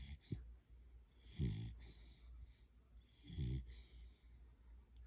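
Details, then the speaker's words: Dog asleep, snoring: two low, rattling snores about two seconds apart over quiet room noise. "Snores worse than you, Jen."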